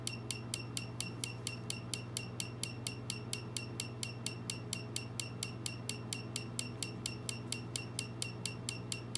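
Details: Second session of laser tattoo removal: rapid regular sharp clicks of the laser pulsing, about 86 a minute, over a steady low hum.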